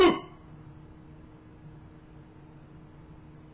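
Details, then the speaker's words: A baby daughter who has had hiccups for about 12 hours gives one brief, sharp hiccup, then quiet room noise, while a parent tries to scare the hiccups away. "okay we got to get rid of your hiccups we got to get rid of them they got they got to go had the hiccups for like 12 hours"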